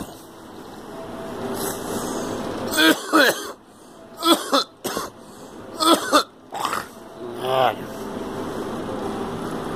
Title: Coughing